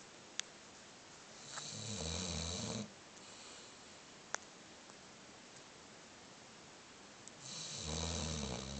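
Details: Recorded 2010-11-22: two long, rumbling in-breath snores about five seconds apart with quiet breathing between; ordinary snoring.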